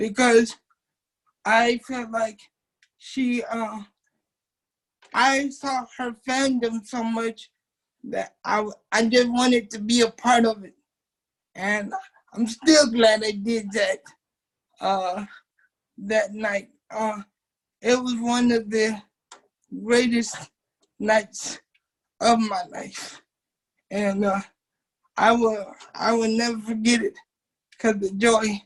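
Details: Dysarthric speech in a 27-year-old man with cerebral palsy since birth, affecting his muscles; he uses a wheelchair, and doctors had told his family he would not be able to talk.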